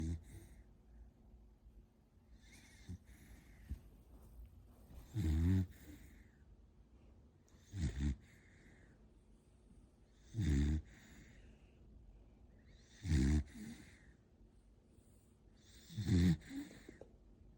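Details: An 8-month-old dog snoring: quiet, low, rattling snores with each breath, roughly every two to three seconds, in a quiet room.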